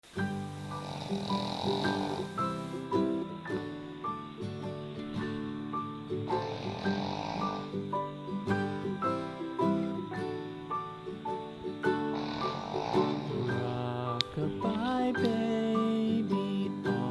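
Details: Sleeping pug puppy gives loud, rasping snores about every five to six seconds over steady background music; snoring.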